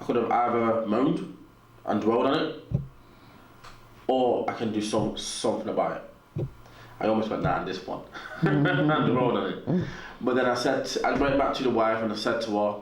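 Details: Adult man with a natural stutter, audible in his speech, which he has learned to work with; stuttering.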